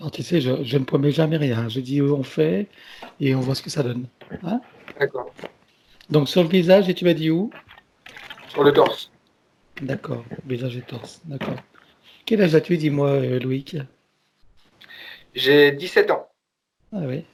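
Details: Adult and teenager in conversation; normal speech.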